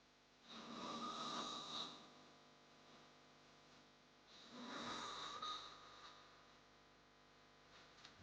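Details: Snoring sound-effect recording: two long, rough, rattling inhaled snores about four seconds apart, quiet pauses between; heavy snoring.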